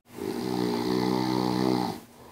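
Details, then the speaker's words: Snoring played in a news segment about an app-based game meant to reduce snoring by strengthening a weak upper airway: one long, rough, rattling snore lasting about two seconds. "Snoring is obviously a very serious social issue. Brian says the root cause of snoring in most cases is a weak upper airway, something the Soundly game counteracts as you play."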